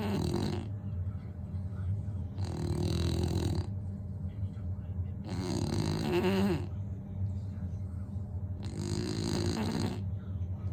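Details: Two sleeping bully-breed dogs snoring: loud, rough, rattling snores about 20 a minute with quieter breaths between; snoring.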